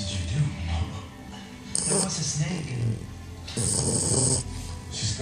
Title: English Bulldog Rosco snoring